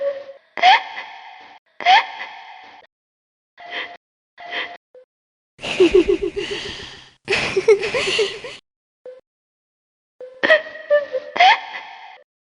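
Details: Adult woman (housewife) acting out sneezes in a quiet room: repeated sharp breathy catches and inhaled gasps, then explosive noisy sneeze-like bursts; simulated gasping and sneezing.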